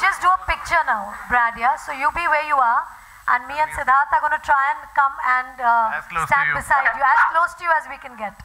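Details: Adult woman speaking; no disorder.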